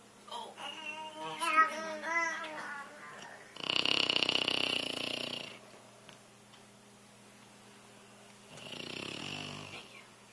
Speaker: And we got Grandma snoring. Now we got proof.